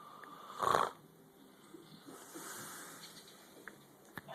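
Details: Adult roommate sleeping after a night out at the bar, snoring heard down the hall: a single loud, harsh snoring burst, then a softer breathy sound against quiet room noise.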